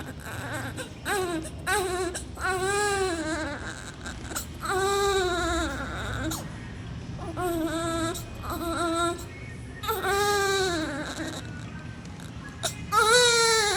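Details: Repeated high, thin, wavering cries with short gasps between from a premature low-birth-weight infant weighing 1.5 kg, with faint background music; infant cry.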